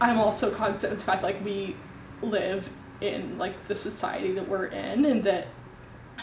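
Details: Young adult woman, 25, with a severe stutter since childhood whose severity varies randomly; stuttering.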